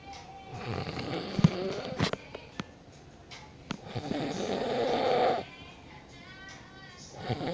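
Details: A sleeping father snoring, recorded by his child: two long, rough, rumbling breaths a few seconds apart, with faint clicks and room noise between.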